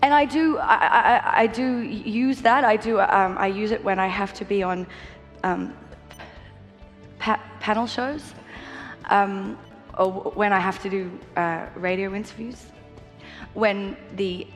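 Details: Stuttering in an adult woman, a singer, who has had a lot of therapy and uses the smooth speech (prolongation) technique.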